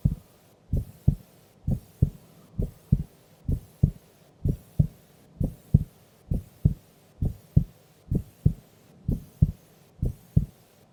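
Steady paired heartbeats, lub-dub, at about 66 beats a minute, calm resting rhythm.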